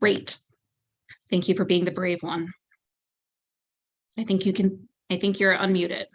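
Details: Adult woman speaking on an online call; normal speech.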